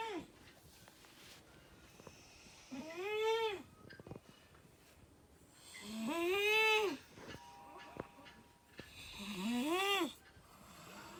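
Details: A sleeping person snoring loudly in a small quiet room: rising, tonal snores at about 18 a minute, each with a whistling, wheezy quality.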